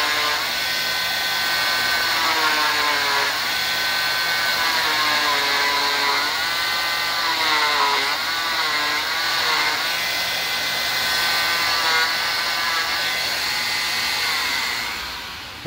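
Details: Oscillating cast saw cutting the top part of a molded fiberglass cast in a training demonstration: steady high-pitched motor whine rising and falling in pitch.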